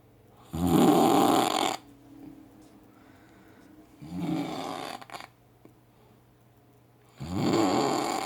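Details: Heavy, loud snoring: three harsh, rattling breaths, each about a second long, with quiet pauses between.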